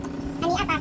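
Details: Portable suction machine JSM SX-1E running at maximum setting, about 18 litres per minute, demonstrated suctioning water: portable suction machine running.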